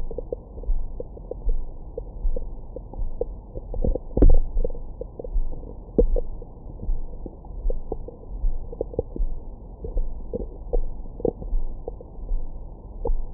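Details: Abdomen recorded with a Stemoscope stethoscope microphone after a large meal: irregular low gurgles, rumbles and brief squeaks, ordinary active bowel sounds.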